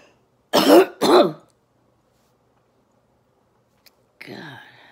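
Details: Adult female orthopedic surgeon recovering from COVID-19 at home, with sudden-onset choking: two forceful, wet cough bursts, then quiet and a short breathy sound. It is a productive cough dislodging a mucus plug.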